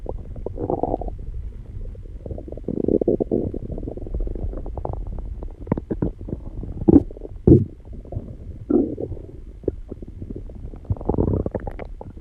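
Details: Stomach growling recorded while calming down after exercise: repeated gurgling, bubbling rumbles with a few squeaky pops over a low hum. Ordinary borborygmi.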